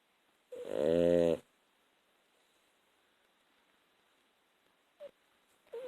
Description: Just Hoopy snoring